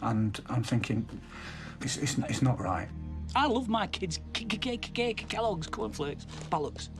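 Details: Adult man with Tourette syndrome producing involuntary vocal tic words in the middle of a sentence.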